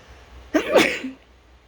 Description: I might have enjoyed this a little too much 😅 last sneeze at about 3:20, and then I just fight with the tickle